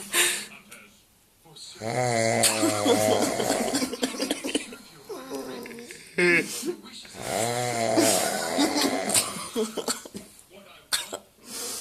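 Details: Heavy snoring from a sleeping man: loud, rattling snores with a gurgling buzz about every five to six seconds, over room noise and faint talk.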